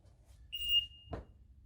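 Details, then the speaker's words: An automated external defibrillator booting up after a battery pack is inserted: a single steady high-pitched beep and a soft click as it runs its start-up self-test. "the device boots up and it is a self-test and it will tell you if it's okay or not doing the self-test well that's booting up"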